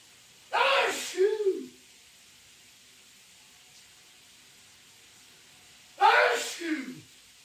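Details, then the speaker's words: Adult man sneezing repeatedly in the shower: two loud, forceful sneezes several seconds apart, each a sharp burst trailing into a voiced tail, in a small room. "oh my God these sneezes do they always have to be so freaking loud he's been literally sneezing in the shower for 10 minutes anyone else's boyfriend sneeze like an absolute maniac"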